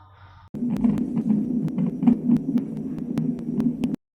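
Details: Fetal heart sounds heard on a hospital non-stress test (NST) machine with Doppler transducer and toco monitoring; fetal heart sounds on Doppler.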